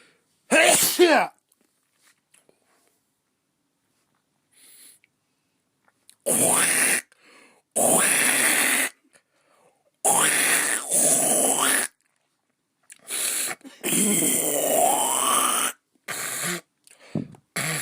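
An acted sharp sneeze, followed by several more forceful bursts of throat and breath noise.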